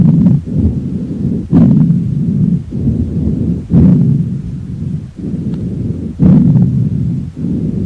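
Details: Stethoscope on a horse's chest during lung auscultation picks up soft, low, rushing breath sounds in steady in-and-out cycles; lung sounds on auscultation.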